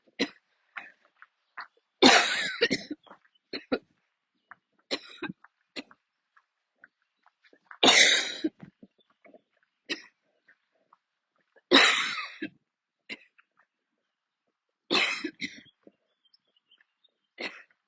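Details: Coughing attack that came on near the end of a walk outdoors; the person kept walking instead of stopping. About five harsh, strong coughing bursts with smaller coughs and breaths between them over roughly eighteen seconds.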